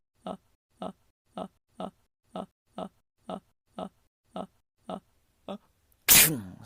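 Eleven short, grunt-like catches at a steady pace, then one loud, explosive sneeze.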